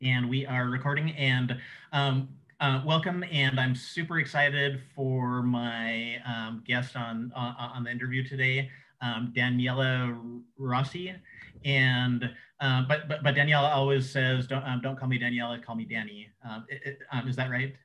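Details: Adult male who says he has cluttering, a fluency disorder: cluttering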